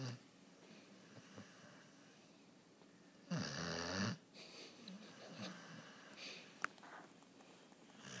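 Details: One loud, rough, fluttering snore from a bulldog against quiet breathing and room noise: snoring.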